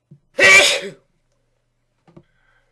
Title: Something is making me sneeze